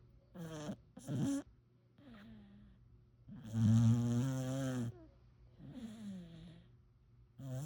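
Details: Sleeping pitador puppy snoring: irregular snuffling snores and soft whining breaths, some short and some drawn out; puppy snoring.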